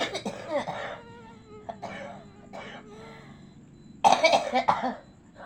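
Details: Acted coughing: several soft, hoarse coughs and throat clears, then a louder burst, imitating a pocong ghost sick with a cough and unable to go home for mudik; simulated cough, not a real patient.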